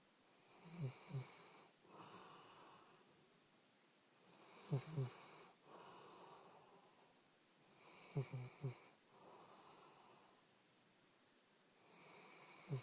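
Rhythmic sleep breathing with rattling snores on breath in and a softer airy sound on breath out, about four breaths in thirteen seconds.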